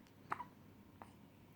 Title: Cute hiccup